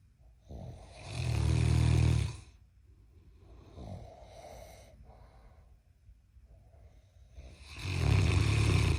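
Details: Giant Mastiff puppy and a man (husband) snoring loudly: deep rumbling snores on inhalation with quieter breaths between, roughly two snores in nine seconds; heavy snoring.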